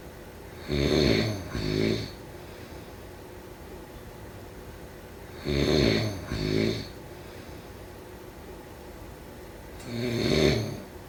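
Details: Slow snoring about 13 breaths a minute, each snore in two rough rattling parts, with long quiet gaps; snoring during sleep.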